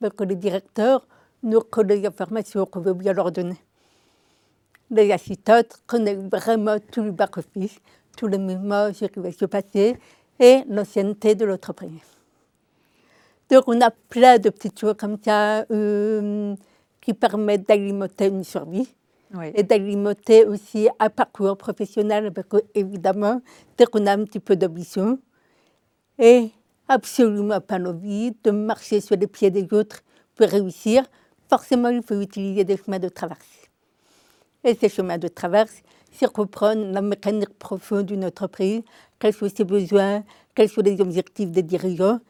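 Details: Adult woman with congenital deafness diagnosed at 9 months; a doctor predicted she would never speak; oral speech learned through 20 years of speech therapy, three sessions weekly; she says her deafness is audible in her voice; deaf speech (congenital hearing loss).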